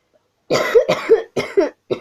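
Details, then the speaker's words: Adult who says she is ill, coughing while recording a beading tutorial: a sudden run of four loud, rough coughs after silence, close to the microphone. "Извините за кашель, я просто болею."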